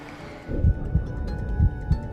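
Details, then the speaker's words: Fetal heartbeat on ultrasound scan: soft rhythmic low thumps with faint music behind, while the mother leans in and talks to the baby and feels kicking; her voice reportedly raises the baby's heart rate. "the familiar sound of her voice raises the baby's heartbeat a clear sign is responding to her"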